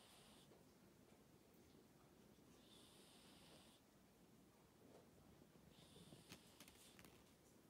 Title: Miss Marley snoring over my writing efforts